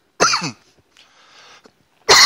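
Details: Adult cough during a dab-smoking session; the speaker has had a lingering cold and has been coughing a lot lately.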